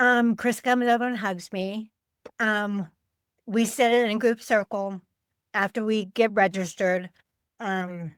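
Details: Adult woman with aphasia affecting word-finding, caused by a stroke on Thanksgiving Day 2012, about 13 years earlier; aphasia.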